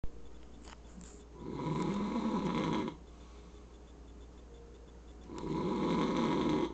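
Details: A father snoring: two long, rough, rattling snores on breathing in, with quieter breathing between them in a small room.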